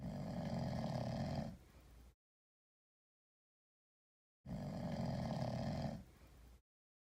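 Two loud, rough, low snores with a short fading tail, separated by silence; a sleeping cat snoring deeply, much like a person.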